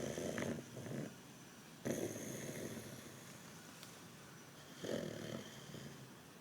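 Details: Sleeping dog snoring: a few rough, rattling breath noises separated by quiet stretches.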